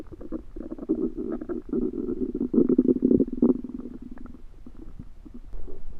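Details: Active bowel sounds (borborygmi): prolonged, loud, continuous gurgling and rumbling belly noises with bubbling pops, recorded after eating a home-cooked meal the person suspects was undercooked.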